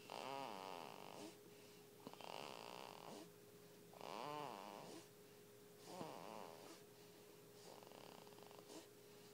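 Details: Repeated rattling, whistly snores with each breath, about 30 a minute, over a steady background hum: snoring in a sleeping baby.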